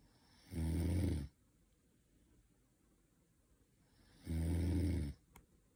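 Two loud, low, rattling snores on breathing in, separated by quiet pauses; ordinary snoring.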